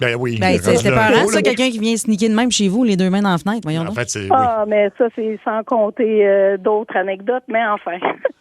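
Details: Adult speakers on radio, partly over a phone line; normal voice.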